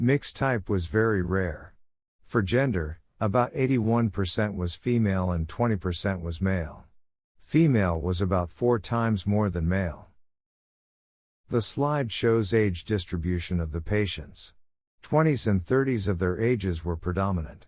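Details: Adult male voice, likely synthesized narration; ordinary speech.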